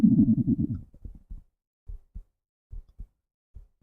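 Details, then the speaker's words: Hunger stomach rumbling in someone who had not eaten all day: low gurgling growl breaking into short, irregular bubbling pops in a quiet room; borborygmi. "Just realised I haven't eaten today. Apologies if you can hear my tummy grumbling. Oops. Never go on to a live stream if you haven't eaten."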